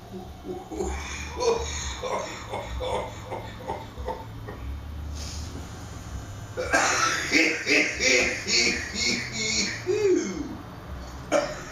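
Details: Adult coughing spell after taking a cannabis dab at home: sudden harsh bursts with voiced, sputtering sounds between them, then a final burst near the end.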